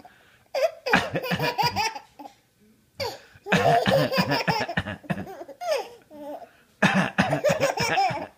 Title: Baby boy laughing at dad's cough c